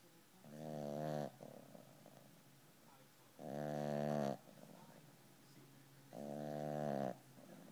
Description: My 12 pound puppy snoring his little face off!